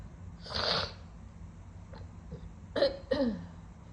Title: Sniffly wet sneezing